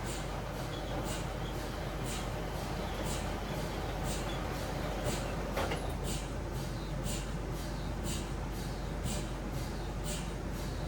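Steady rhythmic knocking pulses over a low mechanical drone, the repetitive gradient noise of an MRI scanner during a scan.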